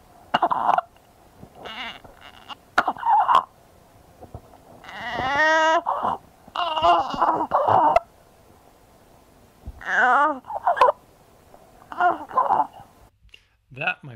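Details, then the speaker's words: Inspiratory stridor in a listless child with pulse 160, respiratory rate 55, BP 74/44, SpO2 94%, and subcostal and intercostal retractions: a high-pitched squeaking crow with each breath in, audible on walking in. "That, my friends, is what inspiratory stridor sounds like. As she's breathing in, you hear that squeaking noise."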